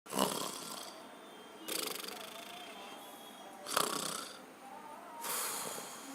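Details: Snoring: four loud, rasping snores roughly every one and a half seconds, each a harsh fluttering noise on the breath.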